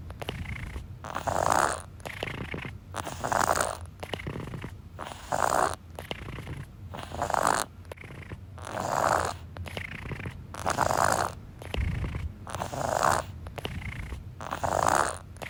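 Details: Elliot breathing partly through his mouth. Said to be a little worse than his usual common wheeze but still not really bad. Congested noisy mouth breathing.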